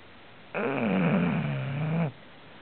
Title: Snoring